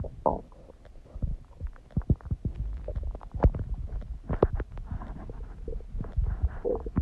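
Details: Irregular low gurgles, bubbling and soft pops throughout a four-minute recording of tummy gurgling; ordinary stomach and bowel sounds.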